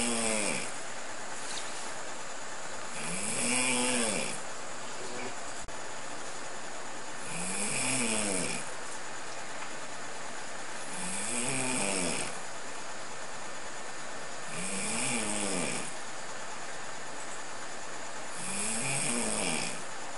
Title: Snorlax Snore?